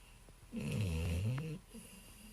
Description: 11:30pm. April 75, 2020. Foster dog CLEVER. Snoring